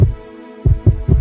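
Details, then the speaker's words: First heart sound (S1) of a normal heartbeat, the familiar lub-dub, heard as heart valves close: lub is the mitral and tricuspid valves closing as the ventricles contract, dub the aortic and pulmonary valves closing as they relax. "You can actually hear them, that familiar lub-dub of a heartbeat. That's the sound of your valves closing."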